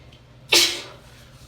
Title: Wet Hayfever Sneezes (F) Small Compilation